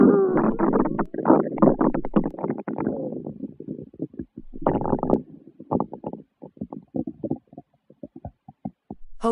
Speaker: hello boys and girls listen to the sound of my stomach growling